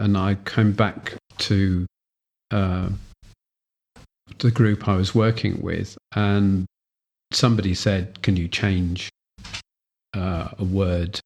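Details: Adult man with aphasia from a stroke with a bleed in Broca's area, after about a year of recovery with residual difficulty getting words out; Broca's aphasia (non-fluent, residual).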